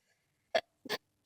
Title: Sneeze fit